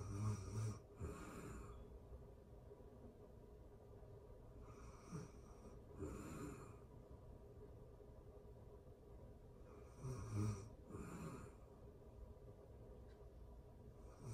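Soft, uneven snores and snorting breaths, about four breaths in fourteen seconds, over faint room hiss. Light snoring in sleep.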